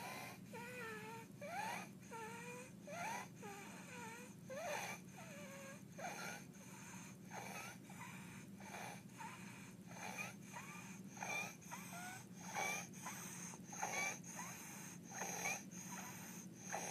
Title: baby with Croup Stridor Barking Cough